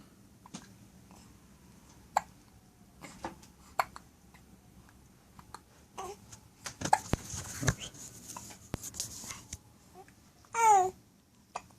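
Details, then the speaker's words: Baby girl with hiccups, which the speaker attributes to drinking mother's milk: repeated brief, abrupt catches with soft infant sounds and a short squeal; infant hiccups. "oops Yeah hiccups you got the hiccups baby girl you got the hiccups baby girl oh these hiccups so terrified so difficult"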